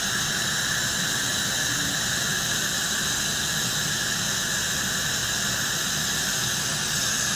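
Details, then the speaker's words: Piezo-ultrasonic scaler during dental cleaning of the lower anterior teeth, with a high-volume evacuator tip capturing aerosol and water: steady high-pitched hiss and whine with suction; normal instrument sound. "When I switch to different regions in the mouth, I'll retract and turn my HVE tip as needed. You can see just how the HVE is just suctioning all of the aerosol and water coming off of my tip."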